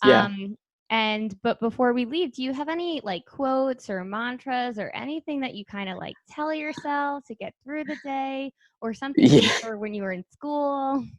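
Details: Adult woman speaking English; normal speech.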